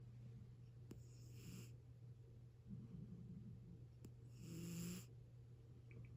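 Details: Sleeping cat: soft, faint snoring breaths roughly every three seconds under low room hum, light snoring.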